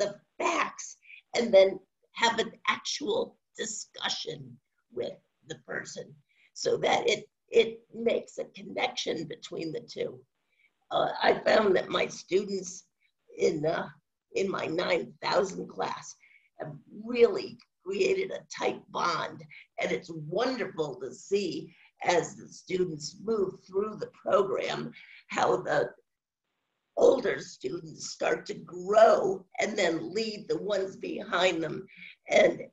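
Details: Adult woman with spasmodic dysphonia, no cure, onset around 2010 and progressively worsening; awaiting a postponed Botox injection; scratchy voice; finding: spasmodic dysphonia.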